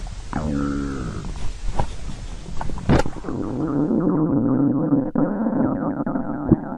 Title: Stomach growling